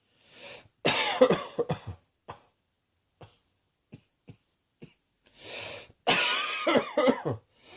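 Two bouts of harsh, rapid coughs, each a quick cluster of bursts after an inward breath, with faint throat sounds between.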